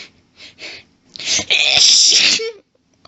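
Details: Woman's sneezing fit while reading a book aloud, sneezes described as intense and violent: hitching in-breaths build into a long, forceful, hissing sneeze trailing into a short voiced sound.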